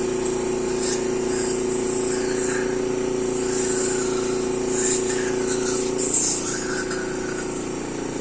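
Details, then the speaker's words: Mechanical insufflation-exsufflation (cough assist) used on a special needs child with dipping oxygen to take deeper breaths; steady motor hum with rushing airflow shifting in pitch as it fills her lungs and then sucks air out. "so i've mentioned before what the cofficist does but basically it simulates a cough in her it forces air into her lungs fills her lungs and then sucks"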